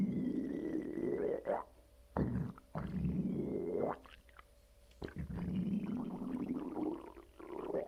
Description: Every time after a good dump, my lower stomach area makes noises.